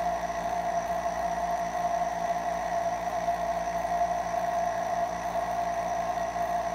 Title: A short nebulizer sound